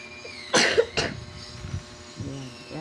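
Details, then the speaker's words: Child with asthma, on asthma medicines, being given a turmeric and ginger remedy: two short, sharp coughs with kitchen sounds in the background; cough. "narinig niyo ang ubo ng anak ko."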